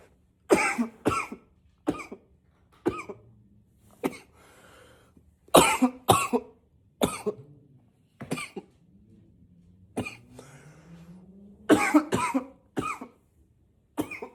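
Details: Acted unstoppable coughing fit, trying to be quiet coughing into a pillow: about fifteen forceful coughs in quick runs, partly muffled, gasping breath between.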